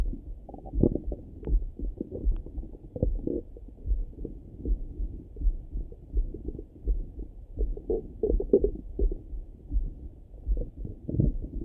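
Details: Low, muffled, ongoing rumbling and gurgling heard through a stethoscope over the stomach in the morning; bowel sounds (borborygmi) of a rumbling stomach.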